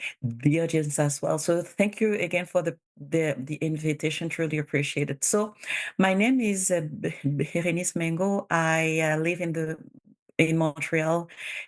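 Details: Bilingual adult woman who stutters; stuttering.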